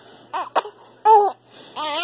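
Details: Short, fussy cries in separate bursts, with a higher pitched wail toward the end, from a swaddled infant who already ate but may still be hungry.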